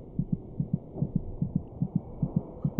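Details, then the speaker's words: Rapid, regular paired thumps near 145 beats a minute: a normal fetal heartbeat about twice the mother's rate, in a documentary on fetal development noting it may be audible from week 26. "by week twenty six it may just be possible to hear the fetal heartbeat by putting your ear against the mothers abdomen the fetus's heart meets about twice as fast as a mother's monitoring the baby's heartbeat gives a good indication of his general condition"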